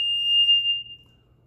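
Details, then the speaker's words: Power-on self-test of a Respironics SmartMonitor 2 infant apnea/heart monitor: a single high, steady electronic alarm tone sounds briefly and fades while all lights illuminate, confirming the alarm works normally. "Once you turn it on, you're going to get all the lights. They're going to light up to let you know that they're working. The alarm will sound to let you know that it's working."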